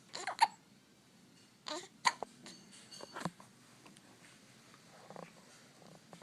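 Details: Child with hiccups: several brief, sharp catching sounds at irregular intervals in a quiet room.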